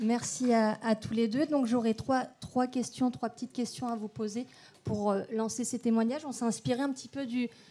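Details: Adult woman speaking French; Normal voice.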